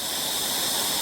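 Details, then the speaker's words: Plasma pen spray mode, first step on a woman's numbed neck to remove the superficial skin layer for tightening: steady loud hiss like escaping gas. "And what this does, takes oxygen and nitrogen from the atmosphere and converts it into a plasma gas, which is what you can see right here, right now."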